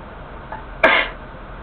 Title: Sneezing 2!